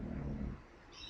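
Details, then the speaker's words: Dog snoring in a room during a live chat: one low, rumbling snore that fades into quiet room noise. "can probably hear my dog snoring, so I do apologise for that."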